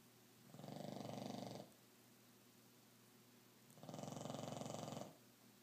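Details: Two rattling, fluttering snores about three seconds apart, each about a second long, from a sleeping female dog in deep sleep, loud enough to wake the owner around 3–4am; snoring.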